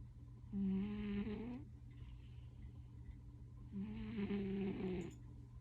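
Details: Sleeping cat snoring very loudly: two loud, drawn-out, vibrating snores on in-breaths, with a quiet pause between them.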